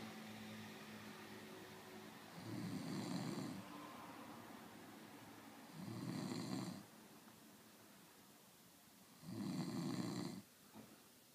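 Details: Snoring from a sleeping person, keeping everyone awake.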